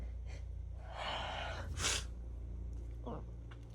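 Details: Allergic sneezing from a female sensitive to a roommate's new cat: a sharp in-breath, a forceful sneeze, then a softer sound.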